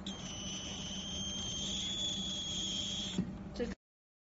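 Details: Fractional CO2 laser (SW-E11) firing during mole removal: steady high-pitched electronic tone for about three seconds over low room hum, ending with faint clicks.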